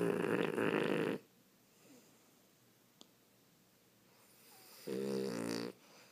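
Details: Snoring: two loud rattling, buzzing breath sounds with a quiet pause between them.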